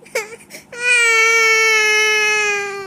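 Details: Baby boy, upset and refusing to be picked up, gives a couple of short whimpers, then a long, loud, high-pitched crying wail; infant crying.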